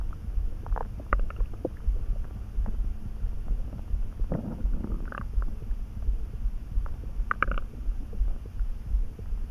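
Irregular gurgling and rumbling gut sounds with bubbly squeaks over a low background; ordinary stomach rumbling, a normal digestive sound.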